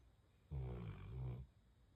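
One loud, deep, rumbling snore lasting about a second during sleep.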